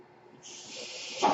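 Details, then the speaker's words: Mechanical ventilator airflow: the speaker's own ventilator, heard behind his podcast speech. "Hello, everyone. My name is, and that noise you're hearing is my ventilator."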